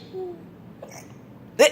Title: Funny Hiccups